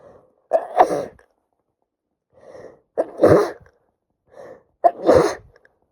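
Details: Three sneezes, each with a short breath in before a sharp burst, in a quiet room, from a female sneezing badly for about three days with a cold; sneezing.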